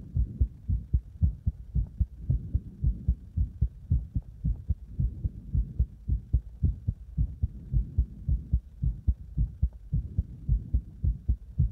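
Strong, regular low thumping heartbeat at about 110 beats a minute, loud and pounding.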